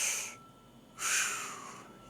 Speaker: when you listen right over the main stem broncas right here you can hear the breath sounds all the way in and all the way out that's called the bronchial breath sound